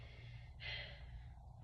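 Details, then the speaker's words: Normal breath sounds heard with the stethoscope diaphragm over the shirt on a woman's back, left upper lobe first, as she breathes in and out through her mouth during a focused respiratory assessment. "And I'm having you do the same thing where I'm just going to have you breathe in and out through your mouth and move my stethoscope."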